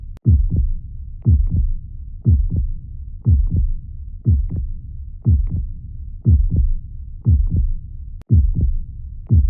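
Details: Soft, regular lub-dub heartbeats at about 60 a minute over a low steady hum, a normal calm heart rhythm, presented as a soothing sound for calming fussy babies.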